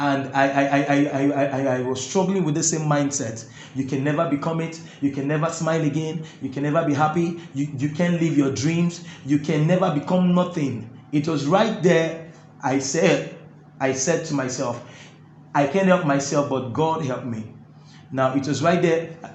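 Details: Adult man who stammers, reporting difficulty when talking but none when singing; stuttering.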